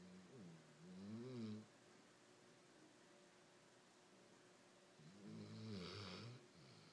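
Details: Sleeping dog snoring quietly, getting louder later: two low, rumbling snores on the breaths in, about four seconds apart, with quiet between.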